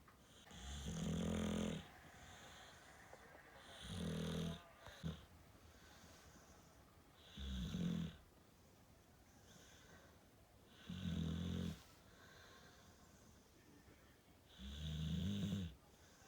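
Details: A dog snoring loudly: low rumbling snores at about 17 breaths a minute, with quiet pauses between them.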